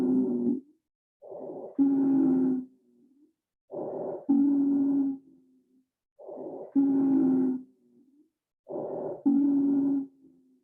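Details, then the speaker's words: Simulated cardiac arrest teaching scenario: recorded breaths with musical, multi-pitched whistling on expiration, a polyphonic expiratory wheeze. "so that that noise was a wheeze so the reason we know that it's a wheeze is it's polyphonic so it's got lots of different pictures of note and sounds quite musical in qualit"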